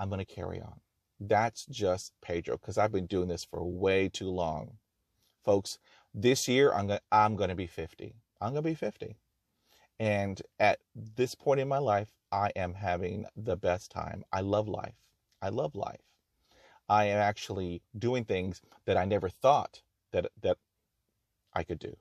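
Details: Real stuttering in an adult man who has stuttered for 44 years and still stutters with blocks and repetitions despite over 20 years of speech therapy.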